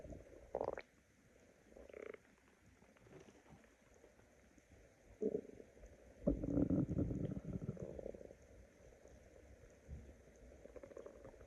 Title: Decided to make a stomach growl video because I am hungry.